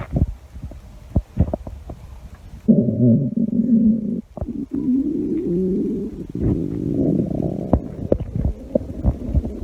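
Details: Stomach growling: low gurgling rumbles rising and falling for several seconds with small pops and clicks, bowel sounds (borborygmi).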